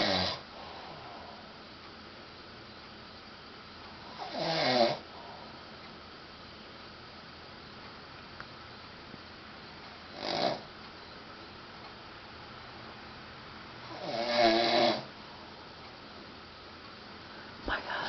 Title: The Grumpy Husband Snoring